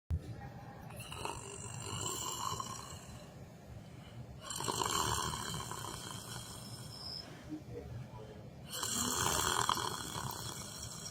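Rough, rattling breathing noises rising and falling in long surges, typical of snoring during sleep, with some room noise.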